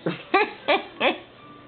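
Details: Four short, voiced bursts in quick succession in a quiet room during eating, a brief run of coughs; burping is mentioned just before.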